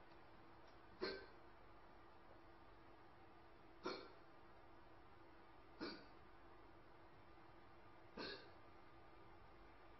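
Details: Hiccups (deficiency type).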